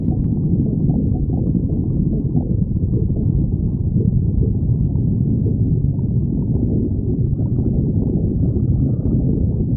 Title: Misty stomach growling 13